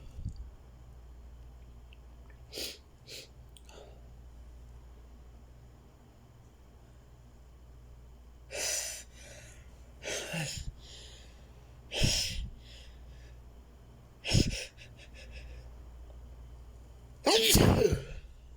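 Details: A run of about six sharp sneezes over twenty seconds with quiet breaths between, in a quiet room: a sneezing fit, with the person unable to stop sneezing.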